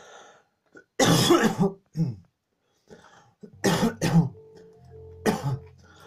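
Several harsh cough bursts, some in quick pairs, with faint tones in the background; a coughing fit.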